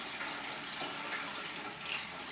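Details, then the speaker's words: Closed gravity-system colonic irrigation outflow, heard as steady rushing, splashing water carrying loosened matter through the tube after abdominal massage; the patient feels full, then the tummy gurgles and matter is released. "Shaking it all loose. And here it comes. Oh wow."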